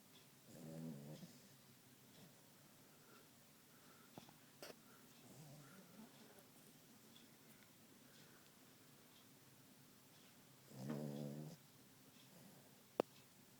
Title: Snoring Yorkie with spooky eyes